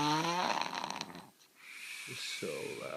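A loud, rough snore on an in-breath, then quieter breath noise, typical of heavy snoring.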